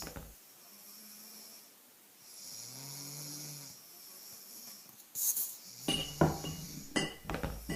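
Low rumbling snore in a quiet room, then clattering and knocking noises from a sound-effect edit.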